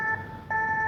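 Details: Steady electronic beep from a Mindray BeneHeart D3 defibrillator during a training demonstration, signalling that it has charged and is ready to shock.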